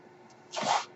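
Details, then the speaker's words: Quiet background giving way to a brief rushing hiss as the speaker's own mechanical ventilator delivers a breath while he records a spoken podcast. "My name is. That noise you're hearing is my ventilator."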